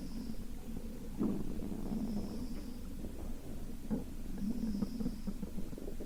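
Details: Sleeping girl, hungry, with stomach rumbling: low gurgling and rumbling bowel sounds in bursts under steady room noise; borborygmi.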